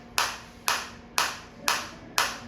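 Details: Five sharp, evenly spaced snapping pulses, about two a second, from a focused (not radial) shockwave therapy applicator, depth adjustable over five levels; shockwave device firing.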